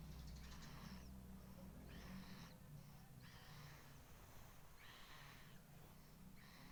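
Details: Sleeping infant girl: soft, breathy noises repeating about every second over a low room hum, fitting light snoring.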